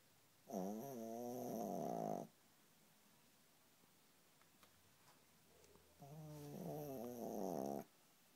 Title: my dog snoring